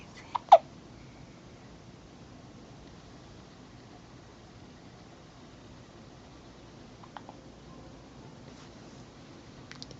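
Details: Two quick, sharp hiccups from a 3-day-old newborn near the start, then a quiet room with faint small sounds; newborn hiccups.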